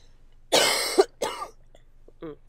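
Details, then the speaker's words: Adult man with a summertime cold, congested and nasal, gives two harsh, forceful coughs in close succession followed by a brief voiced sound; acute cough. "It's nothing serious. Yeah. It's not like COVID or anything, right? It's just a summertime cold."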